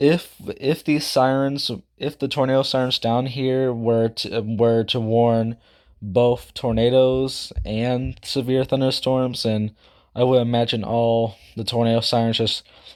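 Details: Speaker who says he stutters, talks too fast and can't speak properly; this stretch has many repeated words: stuttering.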